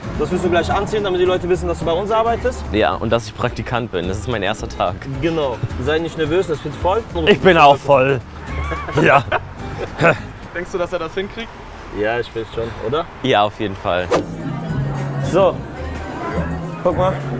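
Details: Adult speakers in conversation; no speech disorder.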